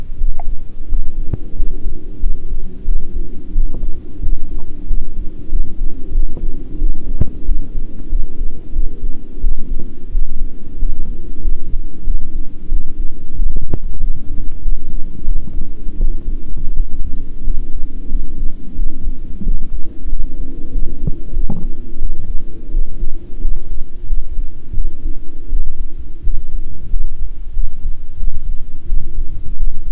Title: Heartbeat w/ Unintentional Stomach Growling